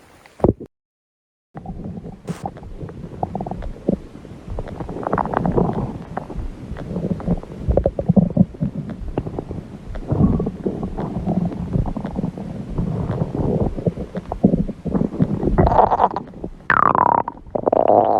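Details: Hungry person's stomach growling: long, loud, low gurgling and rumbling from the belly, rising in pitch near the end.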